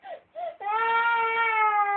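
Two short whimpers, then a sustained high-pitched wail: a young child crying.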